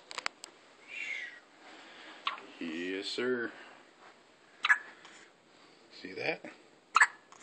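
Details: Newborn baby hiccups: small, sharp hiccup catches between soft fussing whimpers, with faint room noise.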